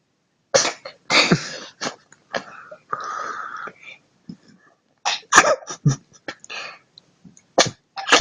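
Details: A cat sneezes repeatedly in quick, sharp bursts, with brief quiet gaps and a short tonal sound between.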